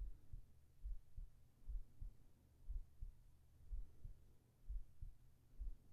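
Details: Binaural ASMR sleep recording with a heartbeat: soft, muffled low thumps at about 60 a minute beneath a steady hum, a normal resting heartbeat.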